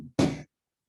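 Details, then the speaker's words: Adult speaker interrupted mid-talk: a brief voiced intake, a short pause, then one sharp explosive burst of air with voice: a single sneeze. "where, in talking about the evidences with my supervisor, I think I'm about to sneeze."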